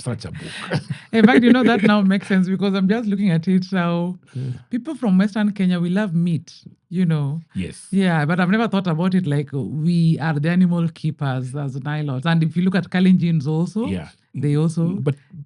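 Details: Adult male speaker in conversation; ordinary conversational speech.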